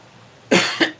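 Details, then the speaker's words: Adult woman talking in a quiet car: two quick, loud cough bursts, a single plain cough episode, followed by taking a drink of water. "And just a second, I'm going to cough."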